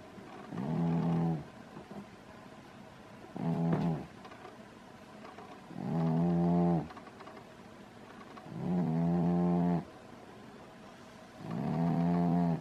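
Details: Pet sleeping upside down in a crystal bowl, snoring loudly: regular, drawn-out buzzing breaths about 22 a minute, each lasting around a second, in a quiet room; snoring.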